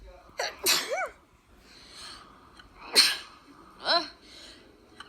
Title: Sneezing vids